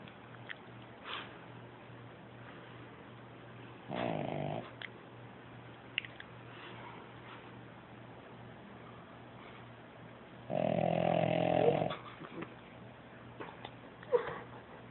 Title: Puppy snoring like a man